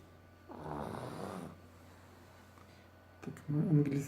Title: Snore - переводится как храп